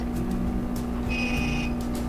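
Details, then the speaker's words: Steady machine hum with a brief high buzzing tone and light ticking pulses as a fractional CO2 laser fires over the nose of a 26-year-old man treated for large pores; he feels tiny poking ticks. "do you like some tiny tiny ticks yes yes yeah it's like something poking yes because this is segment said it's fractional laser it's like a beam of laser fractionated beam of lasers"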